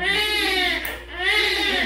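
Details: Newborn baby boy just after a normal delivery at a lying-in clinic, with meconium present: strong, high-pitched cry with a brief pause for breath; a vigorous, healthy-sounding cry.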